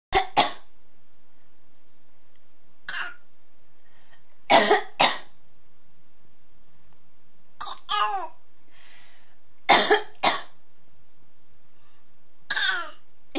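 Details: A 6½-month-old baby boy playfully copies his mother's coughs, as he has for two days: short cough-like bursts in pairs, an adult possibly coughing too. Imitated cough.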